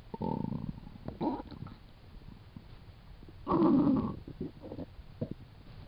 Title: stomach growls 2